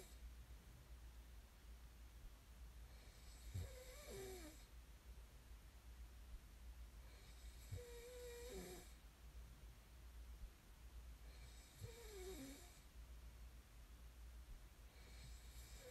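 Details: Snoring recording made as sleep ASMR: slow, rhythmic snoring at about 14 breaths a minute, with a rough vibrating sound on each breath over quiet room noise.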